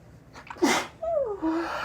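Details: Woman deliberately making high-pitched sneezes during frequent sneeze fits, which she attributes to allergies, possibly dust from an air-conditioning filter: a quick inhaled catch, one sharp high-pitched sneeze, then a short vocal sound.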